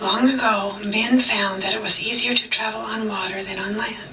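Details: Woman reading a standard passage, judged by a doctor to have a hoarse voice; hoarseness.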